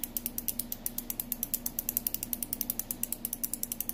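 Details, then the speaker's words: Insulin pen used by an insulin-dependent type 2 diabetic at lunchtime, injected in the belly or arm: rapid, regular clicks, about nine a second, as the button is pushed and the dose counts down to 0. "Now see this button right here? You just push it. You'll hear it click."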